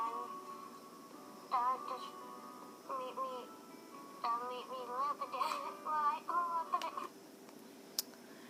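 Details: Speech sound disorder (articulation difficulty) in a woman diagnosed with CHARGE syndrome, with difficulty pronouncing and articulating words.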